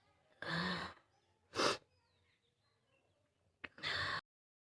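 Three loud, harsh, hollow cough bursts with quiet breaths between them; a barking cough.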